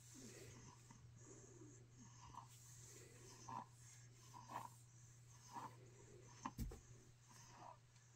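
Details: Dog snoring: soft, whistly snoring noises about once per second over a steady low room hum.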